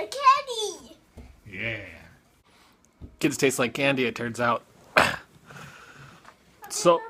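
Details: Boy with autism repeating phrases from a children's cartoon he is watching; echolalia.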